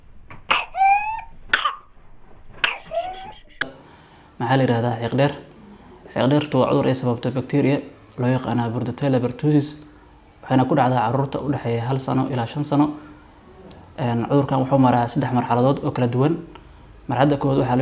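A child's coughing bursts with high, rising crowing intakes of breath, followed by an adult man talking.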